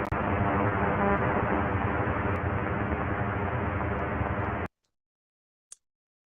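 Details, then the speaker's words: Microneurography recording from a single fast-adapting type 2 (FA2) afferent neuron responding to ultrasound mid-air haptic stimulation: dense crackling hiss of rapid neural firing for about four and a half seconds, then silence. "But we recorded from a single fast-adapting type 2 neuron, which did respond, leading to a signal that looks like this, or that leads to what's probably the most satisfying sound you can hear during an experiment."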